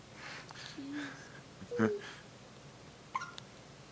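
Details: A pet named Raya gives a few short, sharp hiccup bursts against quiet room noise: hiccups.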